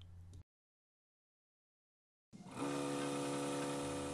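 Brief noise, a pause, then a steady suction motor hum with a constant pitch, as used when suctioning a child's tracheostomy tube.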